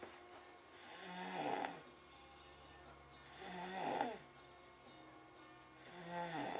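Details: Steady snores, about 24 a minute, each a rising rattling in-breath with faint background music, from Cooper asleep in a darkened room after a day with a sore tummy.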